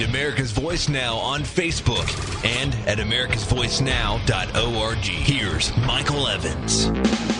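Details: Adult male announcer; normal voice.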